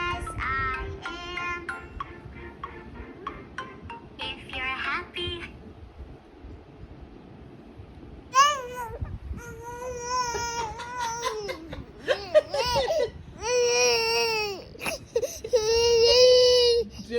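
Loud, high-pitched infant wails in repeated drawn-out bursts, with background music, typical of tantrum crying.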